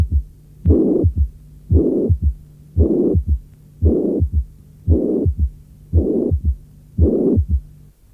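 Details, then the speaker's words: Simulated heart at about 57 beats a minute: loud blowing systolic murmur followed by a soft early diastolic third heart sound, as frequently accompanies sufficiently severe mitral regurgitation. "Si la régurgitation mitrale est suffisamment sévère, elle s’accompagne fréquemment d’un troisième bruit cardiaque."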